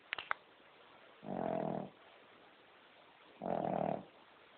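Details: King Charles Spaniel dog sound asleep: two loud, harsh rasping breaths about two seconds apart, each under a second, with quiet between; snoring.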